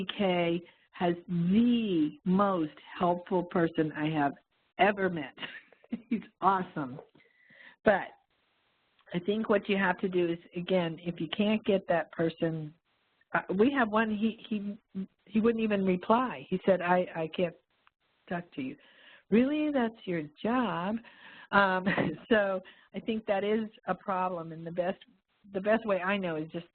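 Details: Adult speaker; normal voice.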